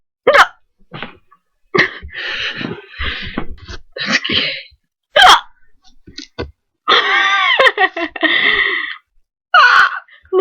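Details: Hiccups in a girl who reports chronic hiccups, this bout uncontrollable: sharp, abrupt bursts at intervals mixed with brief voiced noises and breaths.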